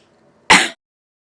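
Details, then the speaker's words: A single short, explosive cough from a person who says they are ill: a sharp burst fading within a quarter second, then silence. "hello guys you know that i'm ill and all that yeah i'm gonna be doing a challenge so if i cough the video ends yep the video will end as soon as i cough because i'm ill yes i am i'm not joking"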